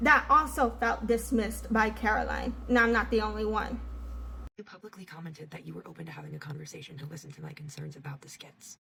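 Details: Adult woman speaking; normal speech.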